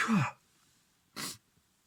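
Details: A man with a lingering cold, blocked and runny nose and sore throat, in sneezing fits all day, gives a voiced sneeze with a falling tone, then a short, sharp, hissing blow.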